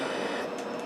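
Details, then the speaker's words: A home mechanical ventilator used via tracheostomy, keeping the patient alive: a steady mechanical hum with a faint high-pitched whine running in the background as she talks. "you can probably hear it humming and whining in the background because everything else is pretty white it is a moment the only thing I can hear is with them so if you're wondering what that high-pitched whining all that is that's what's keeping me alive so I hope it's not too annoying"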